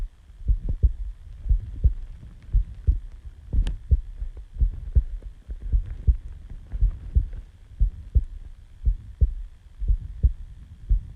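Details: Person's own heartbeat recorded just after waking from sleep: a normal heartbeat.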